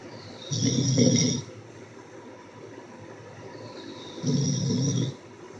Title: #Live Listen to this frickin snoring lol